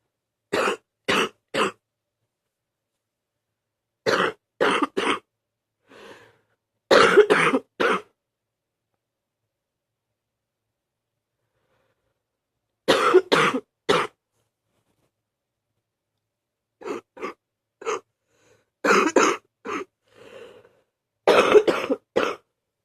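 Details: Sick adult coughing on waking up: repeated clusters of two or three harsh bursts with brief throat sounds between.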